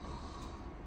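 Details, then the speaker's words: Patient imitating snoring on request during a flexible endoscopic examination for snoring and sleep apnea, with the scope in the nasopharynx behind the nose. "Bir horlar gibi yapın bakalım diye"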